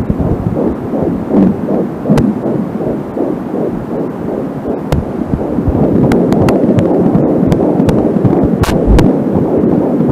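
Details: Fetal heartbeat recorded at home with an Angelsound fetal Doppler; mostly the baby's heartbeat with occasional slower maternal arterial pulse, confirmed by the mother checking her own pulse, plus static from a short cable.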